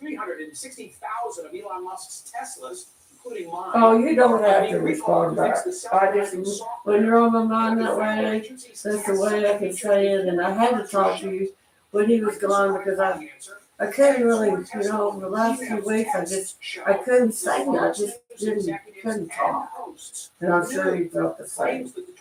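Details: Adult man with self-reported cerebral palsy who lives with his mother and a caretaker; dysarthric speech in cerebral palsy.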